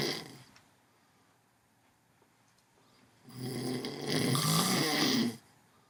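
A loud, rough inhaled snore with a rattling, fluttering quality, after a quiet pause; typical snoring.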